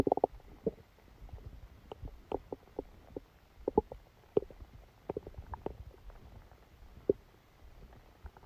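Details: Stomachache after Christmas dinner, recorded while the person slept: scattered soft gurgles and pops over a quiet hiss; active bowel sounds, stomach rumbling.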